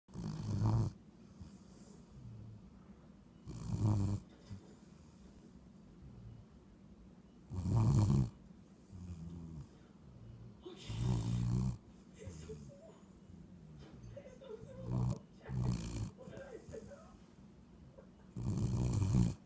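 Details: Sleeping dog snoring: low rumbling snores, about 17 a minute, each a loud throaty burst.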